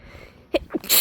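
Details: Sneeze induced by a small amount of fresh chhinkni sneezing powder: quick inward breath, then a loud sneeze burst opening a sneezing fit.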